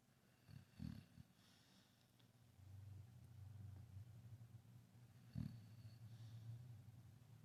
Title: snoring beauty